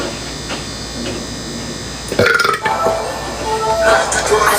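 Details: A loud, rough belch rising out of steady background noise with music; burping.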